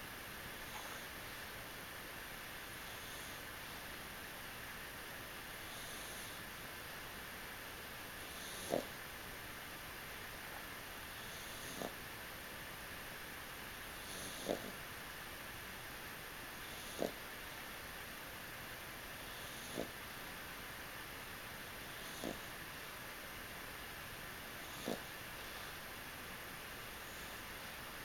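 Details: Snoring from Ella, a sleeping adoptable animal: soft, brief snorting sounds about every three seconds over a steady hiss.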